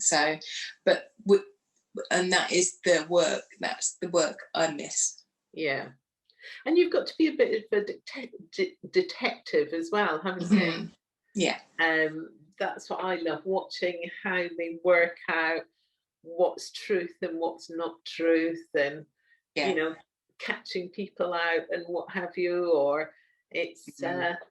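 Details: Adult women in conversation; conversational speech.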